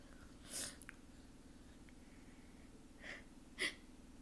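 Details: Self-induced sneezing from a usually stubborn nose: two or three brief, hissing sneeze bursts over a steady low room hum. Nose blowing follows, and the nose is left sore.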